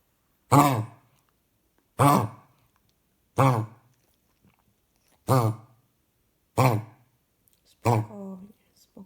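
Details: Dog with kennel cough (canine infectious tracheobronchitis), treated over 3 weeks, gives six harsh, honking coughs about a second apart.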